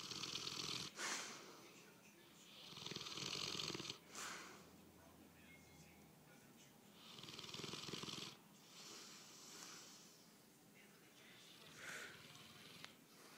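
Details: Bullmastiff dog snoring in sleep, recorded on an iPhone: loud, rough, hissing snores, about four breaths in thirteen seconds, with a snorting rattle on each breath in.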